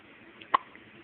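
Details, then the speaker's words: Baby girl almost one month old (turning one month in three days) with frequent hiccups: one short, sharp, gulping burst in a quiet room; a single hiccup. "so she has hiccups like usual she gets them a lot now"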